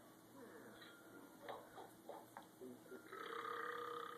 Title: Burps are funny too!